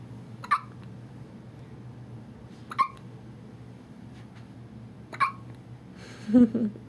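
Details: A 2½-week-old baby boy has three short, sharp hiccups about two to three seconds apart after bath time, followed by a brief fussy vocal sound over a low room hum; hiccups.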